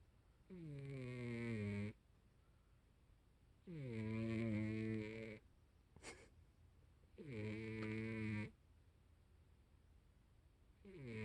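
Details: Heavy sleeper who snores like this daily: regular low, buzzy snores on each breath, about 18 a minute, in a quiet room; ordinary snoring.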